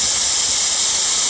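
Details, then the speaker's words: Dental high-volume evacuator without a relief hole, turned on and held over prepared teeth on a stone model for about 5 seconds to thin the Rodin Bond film: a loud, steady, airy suction hiss. "Now notice I use one that doesn't have the relief hole in it, and all you have to do is turn it on and place it over the prep"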